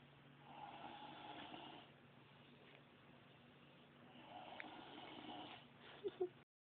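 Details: A Black girl (the recorder's sister) snoring: two slow, rough breaths, each over a second and a few seconds apart, ending in a brief snort.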